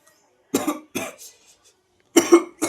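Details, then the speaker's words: Cough: a child gives a few short, harsh coughs and throat clears, eyes watering, after eating a very spicy chip. "కళ్ళలో నుంచి water వస్తున్నాయి చూడండి friends [దగ్గు] దగ్గు వస్తుంది"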